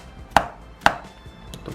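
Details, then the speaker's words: Two sharp, hard taps about half a second apart from a mallet and tool correcting misaligned vertebrae around T12 to L3 during chuna spinal manipulation, given as treatment for degenerative knee arthritis. "이와 같이 이제 망치로 교정을 하게 되면 위험성을 말씀하시는 분이 있는데"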